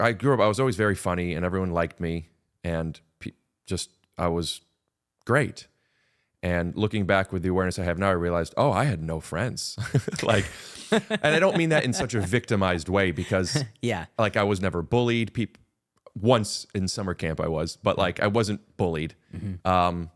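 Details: Adult male speaker; normal conversational speech.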